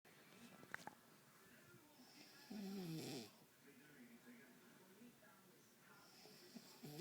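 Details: Sleeping woman snoring until her nose was pinched: one loud, rough snore on an inward breath, with quieter breathing and room noise around it.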